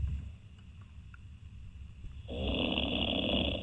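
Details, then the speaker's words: Man asleep on a live radio phone-in line after an evening at the pub, dozing off after waiting 23 minutes; possible nasal blockage suggested: quiet breath then loud, harsh, vibrating inhaled snore; snoring. "wakey wakey and has been waiting uh a full 23 minutes and has passed out he seems to have some sort of nasal blockage either that or either these farm yard noises"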